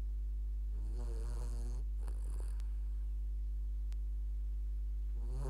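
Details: Sleeping dog snoring: two short, fluttering snores over a constant low hum and brief rustle; light snoring.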